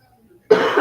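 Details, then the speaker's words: Adult podcast host recovering from an illness who says they feel fine but keep coughing: one abrupt cough burst, cut off at the end. "I don't feel bad at all, but I just cough and stuff."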